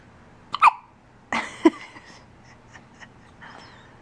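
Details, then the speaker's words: Short, abrupt, gulping hiccups in a dog, about one a second, with soft breathing between. "Are you done with the hiccups? No?"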